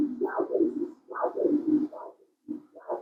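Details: Rhythmic pulsing whooshes from Doppler probe over the radial artery at the wrist, angle 60°, peak systolic velocity 62 cm/s, preoperative upper-limb mapping for hemodialysis arteriovenous fistula; normal radial artery Doppler flow signal.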